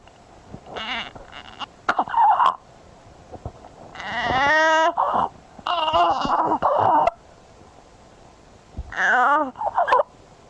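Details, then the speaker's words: True stridor played as a teaching example for ENT residents; listeners are asked which breathing phase it falls in: inspiratory, expiratory or biphasic. "oftentimes I ask what are you hearing and this actually is a true Strider a sound so this is Strider"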